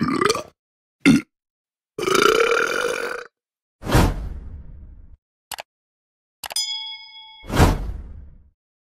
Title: Burp Sound Effects / All Burping Sounds / Various Funny Human Burps Sound Effect / Royalty Free